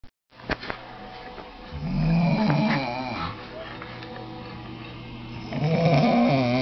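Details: Sleeping adult male roommate snoring loudly in his bed loft; rough, wavering breaths with a steady low hum and room noise.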